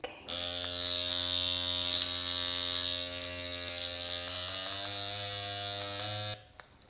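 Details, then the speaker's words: Loud steady buzzing motor hum for about six seconds, pitch shifting slightly midway: a Dr. Pen M8S microneedling pen with 18-needle cartridge at 0.25 mm depth, used at home on buttock stretch marks; user unsure if noise is normal. "Is it supposed to make such a loud noise? I don't know. Is this normal? I think it's okay."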